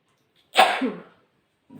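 A single forceful sneeze, a sudden voiced burst of air that fades over about half a second.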